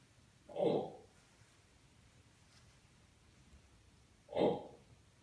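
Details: Two short, abrupt throaty bursts about four seconds apart in a quiet room: repeated hiccups or burps recorded from a patient with chronic burping/hiccups.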